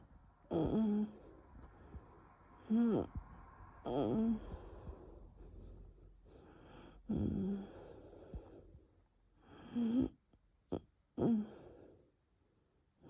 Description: bronchial spasm during a very severe nocturnal asthma attack without coughing.